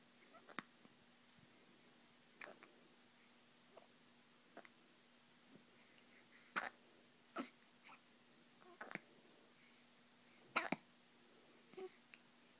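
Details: Soft, sharp catches recurring irregularly, about 15 a minute, in a quiet room with a steady low hum; hiccups.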